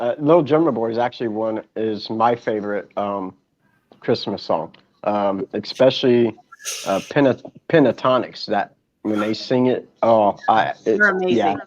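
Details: Adult man speaking, possibly with a second voice briefly; conversational speech.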